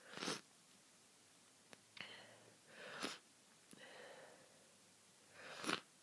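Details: Person with a bad head cold, stuffy and congested, sneezing: three sharp, explosive bursts, each preceded by a quick in-breath.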